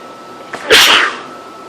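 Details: A single sharp sneeze, a brief in-breath then a loud explosive burst fading over about half a second, from a person extremely allergic to cats, in a house with cat hair everywhere; sneeze.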